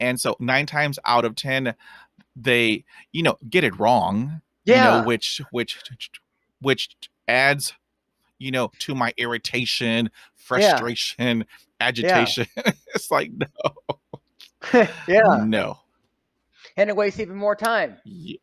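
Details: Real stuttering in an adult man who stutters; stuttering.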